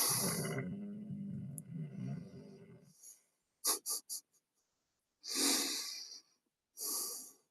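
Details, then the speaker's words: German Shepherd–Rottweiler mix dog with a deviated septum, owner suspects sleep apnea: rough, congested breathing, then short repeated snorts and hissy nasal exhales; noisy nasal breathing and snorting. "That's the sounds of a deviated septum on a German Shepherd Rottweiler. When your Shepweiler has sleep apnea."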